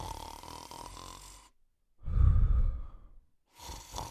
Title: The Male Cocker Spaniel Sleeping & Snoring